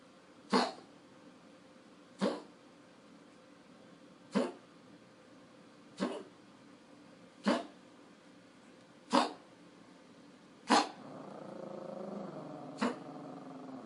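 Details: Luka, a Pomeranian dog that reverse sneezes 2–3 times daily: about eight sharp, snorting inhaled bursts spaced a second or two apart; reverse sneezing, a throat and soft palate spasm.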